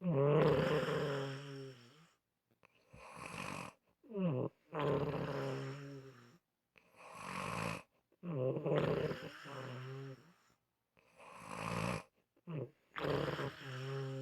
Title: Unusual Snoring Sounds